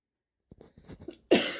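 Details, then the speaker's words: Adult coughing once during a recording: a single abrupt cough after a few soft clicks and mouth noises in a quiet small room. "Excuse me. Sorry about the cough, but did you hear that?"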